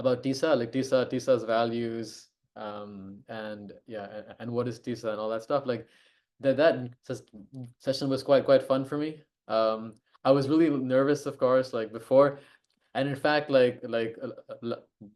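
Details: Adult who stammers and co-hosts an online stammering self-help group meeting; stuttering.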